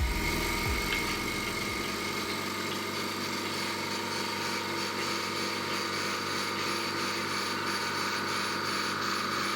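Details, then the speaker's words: Elmaslar Lifetime SA03PT portable suction machine (5.8 kg, 2-litre collection jar, up to 640 mmHg suction, 30 L/min flow, under 50 dB) switched on and running: steady, even quiet motor hum with faint background music. "กดSwitchonOffเพื่อเปิดการใช้งานเครื่องเครื่องทำงานเบาเสียงรบกวนน้อยไม่เกิน50เดซิเบลปรับแรงดูดได้ถึง640มมปอ"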